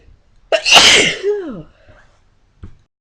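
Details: A single loud, explosive sneeze with a voiced trailing cry and a brief sniff afterward, in a quiet room.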